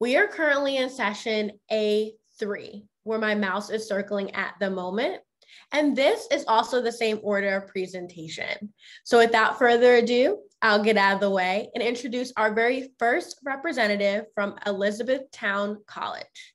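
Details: Adult woman speaking; Normal voice.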